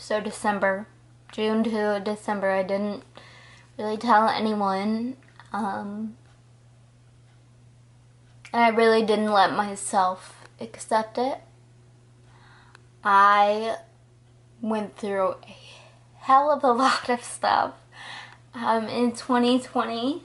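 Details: 20-year-old woman diagnosed at 19 with Friedreich's ataxia, a progressive neurological disorder affecting her balance, coordination, speech, heart and muscles; ataxic dysarthria (Friedreich's ataxia).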